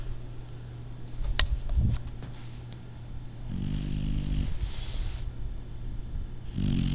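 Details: Snoring from a sleeping Shar-Pei puppy: low rumbling snores over a steady background hum, with a few brief clicks.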